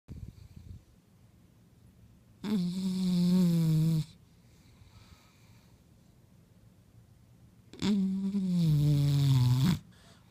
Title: Snoring Bulldog